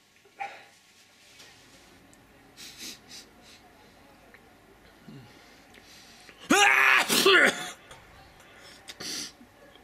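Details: Deliberately theatrical sneeze without a tissue: quiet room noise, then one loud explosive sneeze with a sharp intake and burst of air, plus a smaller follow-up sound. Sneeze.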